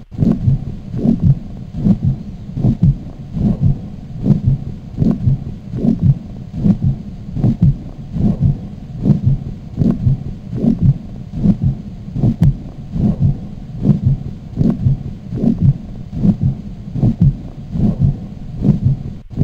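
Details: Aortic regurgitation murmur.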